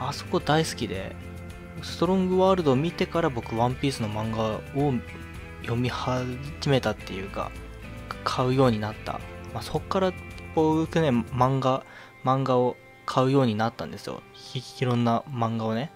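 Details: Male speaker with self-described stuttering, speaking Japanese, with audible word repetitions; stuttering.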